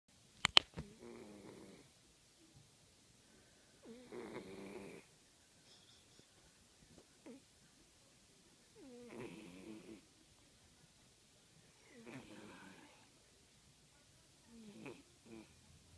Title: My cat snore!!!!